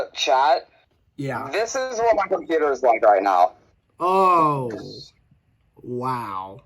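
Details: Adult male speaker; Normal voice.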